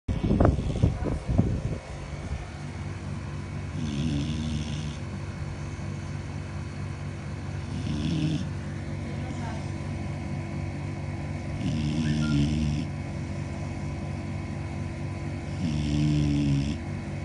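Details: Female Labrador snoring while asleep: steady low snores about every four seconds, roughly fifteen a minute, over a constant background hum; ordinary sleep snoring.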